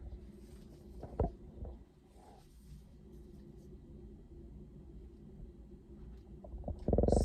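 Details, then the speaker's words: Postpartum mother, stethoscope over abdomen in all four quadrants: low rumbling and gurgling, active normal bowel sounds. "all right so i hear active vowel sounds"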